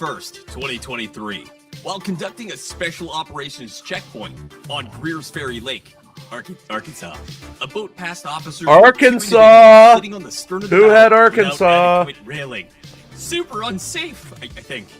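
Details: Adult male narrator; ordinary speech.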